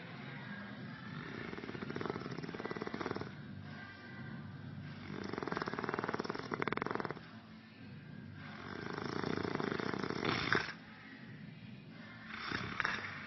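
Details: Loud, harsh, rattling "jackhammer" snores in long bursts with rough vibrating quality, separated by brief quieter breaths, from an adult man in deep sleep lying on his back; faint room noise behind.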